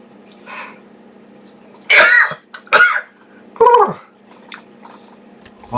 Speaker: i know it sounds like coughs when i watch the replay i'm like holy [ __ ] i look like i'm coughing no wonders everyone says i'm coughing it's like no it's actually my sneeze